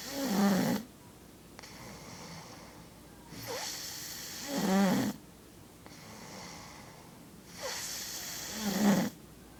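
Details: Snoring: three rattling snores on the in-breaths, each followed by a softer out-breath, at about 19 breaths a minute.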